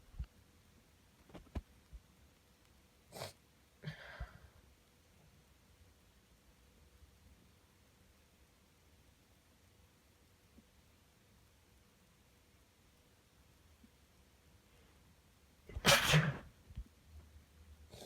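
Quiet, muffled sneezes and sniffs into a tissue, then one loud nose blow: sneezing with a head cold.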